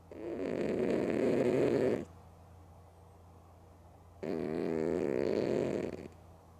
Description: I caught Mookie the cat loudly snoring & sleeping with her eyes open